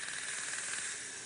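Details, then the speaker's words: Dental water laser on a boy's cavity during a pediatric painless filling: a steady high hiss with faint rapid crackle as the water beam zaps away decay; the patient says it doesn't hurt. "so yeah the zapping sound and you don't feel anything right zach doesn't hurt at all so in actuality wow this is cool so the water lace is like a high power water gun for hosts that chips away the decay"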